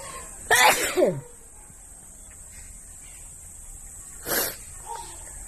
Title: Wide Nose Sneezes Philippines.